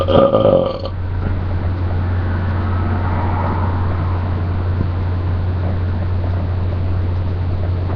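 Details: One short, low, croaking burp at the start, followed by a steady engine-like rumble in the background.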